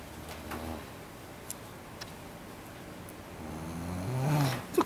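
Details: Snoring from a model who fell asleep while having eyelash extensions applied during a lash exam: soft low rattling breaths building to a louder snore near the end, with faint room clicks.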